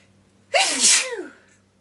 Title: Sneeze19